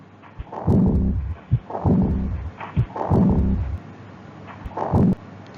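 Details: Pediatric cardiac auscultation example: slow, regular heart sounds, each beat followed by a soft, noisy diastolic murmur in the resting phase; aortic regurgitation murmur.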